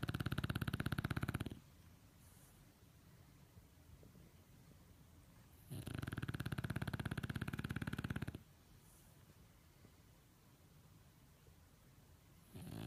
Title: snoring at Home